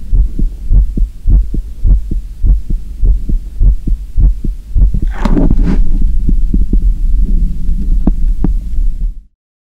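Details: Korean ASMR recording without talking of the uploader's own heartbeat: regular deep thumps, about 105 a minute, recorded up close with a brief rustle partway through; normal heartbeat.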